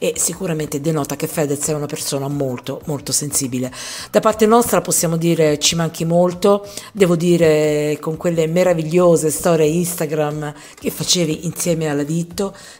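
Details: Adult narrator; no speech disorder.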